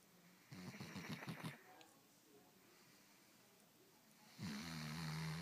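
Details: Loud, rattling, fluttering snore on an in-breath, then a quieter pause and a steady droning snore: snoring.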